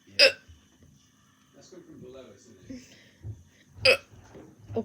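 Two sharp, sudden gulping hiccups about four seconds apart, with soft voice sounds between them; hiccups.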